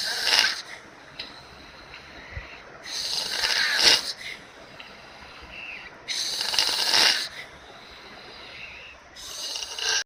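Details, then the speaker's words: Bed partner's snoring heard all night, every night, disrupting the listener's sleep: harsh, hissing snores on each breath, about four breath cycles in ten seconds, with quieter breathing between them. "this is what I have to sleep next to every night. Is it any wonder that I don't sleep? I hear this all night, every night."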